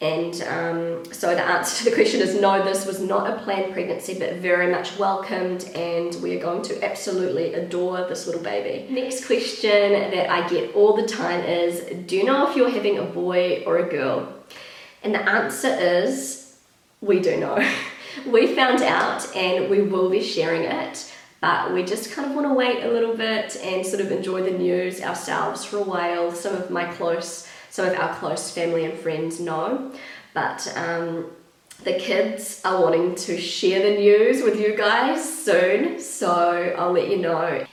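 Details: Pregnant woman with a habitually croaky, crackly voice that she says worsens markedly during pregnancy, attributing it to the pregnancy; also slightly out of breath; vocal fry (creaky voice).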